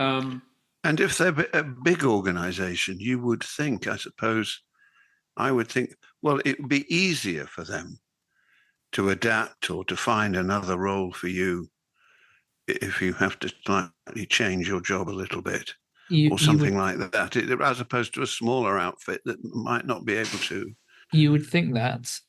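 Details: Adult man speaking; typical speech.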